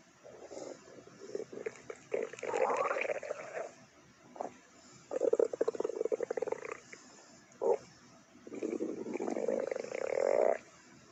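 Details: Stomach growling (borborygmi): gurgling, bubbling rumbles in several irregular bursts from gas and fluid moving.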